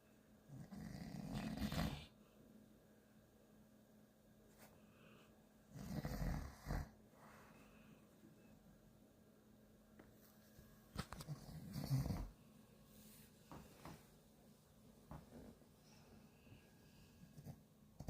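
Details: Female dog sleeping and dreaming, paws twitching, snoring: low, rumbling snores about every five seconds with heavy breathing, soft snorts and rustling between.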